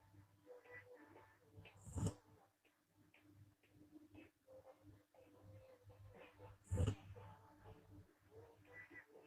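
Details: Snoring in a sleeping girl with lip flutter on exhalation: two strong puffing out-breaths with flapping lips over low, rumbling sleep breathing.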